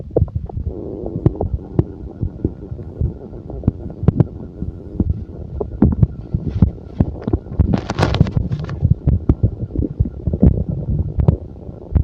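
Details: Stomach growling (borborygmi): continuous low gurgling and rumbling with irregular pops and squelches over a steady hum, from gut movement.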